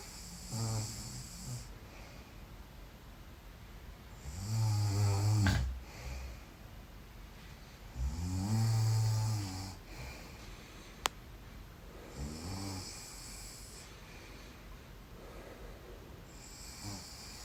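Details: An adult asleep in bed snoring: low, rattling snores recur with each breath in, varying from soft to loud.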